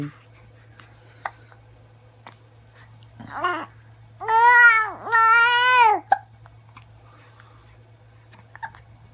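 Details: Infant with hiccups in a quiet room: small, faint sharp catches, then two drawn-out tonal baby vocal sounds.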